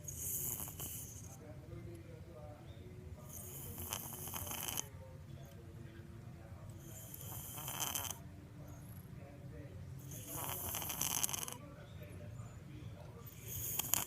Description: Snoring cat 😹 TURN UP THE VOLUME PLS😹